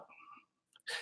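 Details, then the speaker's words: A sick dog with kennel cough, medication started that day, gives a brief honking, croaky sound, then a short harsh cough burst. "you'll hear my sick dog got kennel cough started medication today but"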